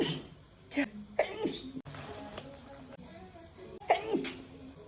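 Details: Woman sneezing, clip looped and set to background music, tagged as allergies: several quick sneezes in a row with gasping intakes between them; a sneezing fit.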